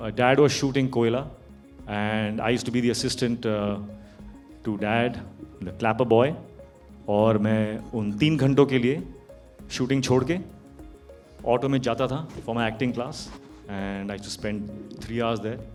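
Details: Adult man; Normal conversational speech.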